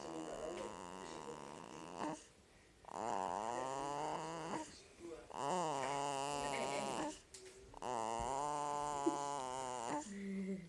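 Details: Sleeping infant boy making drawn-out, squeaky, whiny noises on each breath, about 24 a minute; noisy breathing during sleep.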